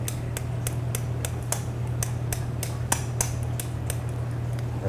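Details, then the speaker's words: About fourteen sharp metallic taps at a steady beat over a low hum: a Genesis ball composite lateral-row suture anchor tapped into a punched bone hole through a cannula during arthroscopic rotator cuff repair with BioBrace augmentation. "Slide this down into the canula. So, have it seated in our hole."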